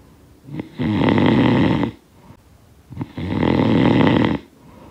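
Two long, coarse rattling snores on breathing in, separated by quiet exhalation. Snoring during sleep.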